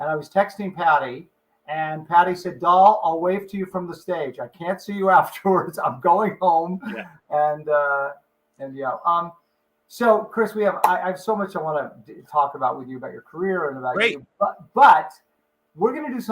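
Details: Adult man speaking; normal voice.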